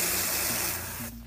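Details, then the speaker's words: Short steady hiss of vapocoolant spray for about a second, used as the only anesthetic before a quick incision to drain a paronychia (infection beside the nail, not ingrown). "We're not going to use any lidocaine or anesthetic except for our cold spray."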